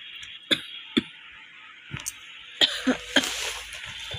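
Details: A mild cough the person attributes to the heat, with no cold: several short, sharp, dry, non-productive coughs with a constant high hiss behind them.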